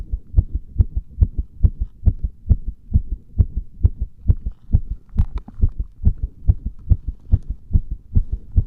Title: 圧迫心音💓(compression heart sounds)